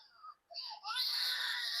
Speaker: ये तेज रो रहा है। तो ये ये जो रो रहा है ये कई बार बच्चा इसलिए रोता है कि या तो उसको भूख लगी हो बहुत तेज या वो डिसकंफर्ट में हो।